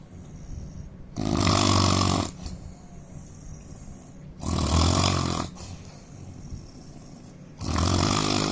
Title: Indian man snoring loudly